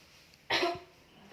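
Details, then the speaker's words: Effective cough in a simulated nursing role-play: the seated patient takes deep breaths three times, then gives a single forceful cough to expel throat phlegm. Afterwards she feels somewhat relieved, with perhaps a little phlegm remaining. "Dan ini yang terakhir sambil dibatukkan, bisa dipegang Mbak. Ya. Silakan tarik nafas dan yang sambil membuangnya sambil dibatukkan ya Mbak."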